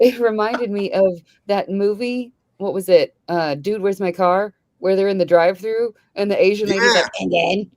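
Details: Adult woman; ordinary speech.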